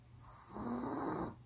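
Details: Sleeping Pomeranian dog snoring heavily, described as louder than its owner; a single soft, rough snore is heard.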